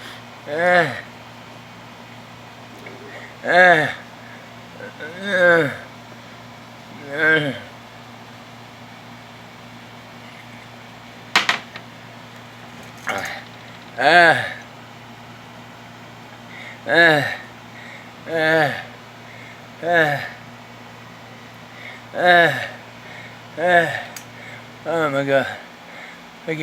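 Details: Person in apparent respiratory distress, saying they can't breathe: repeated harsh, high-pitched, crowing breath sounds about 20 a minute, stridor from a narrowed upper airway.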